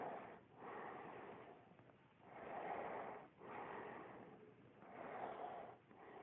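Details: Sleeping male who had passed out, slow rhythmic noisy breaths with a rough snorting quality, about 23 per minute: snoring.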